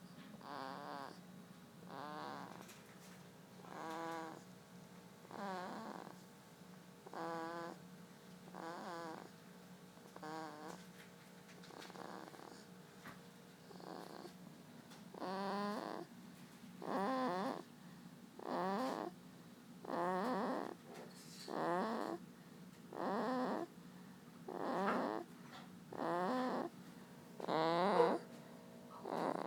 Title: Walt snores